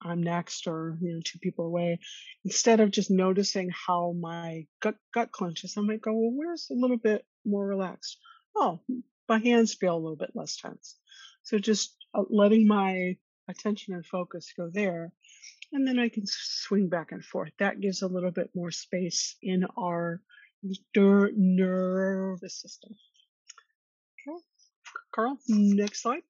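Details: Adult woman who stutters and attended speech therapy growing up; stuttering.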